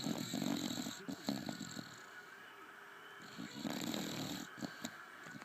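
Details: Bulldog snoring: loud, rattling, fluttering snores with snorting in between; typical noisy snoring of a flat-faced dog.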